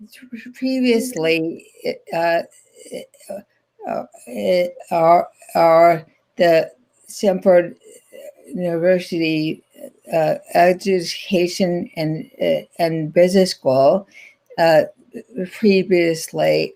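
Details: Adult woman, stroke survivor since 2010 (stroke at age 57, about 10 years earlier), still in speech therapy weekly to fortnightly; post-stroke non-fluent aphasia.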